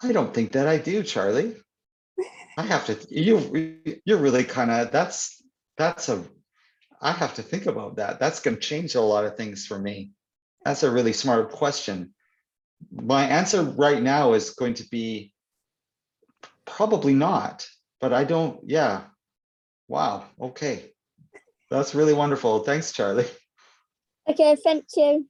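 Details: Adult man who stutters (stammers), speaking in an interview; word and phrase repetitions audible; stuttering.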